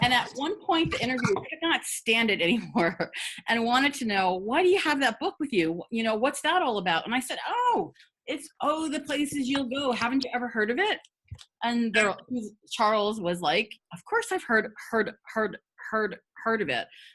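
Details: Adult woman who has stuttered for 50 years and says she stutters a lot at work and when reading; stuttering.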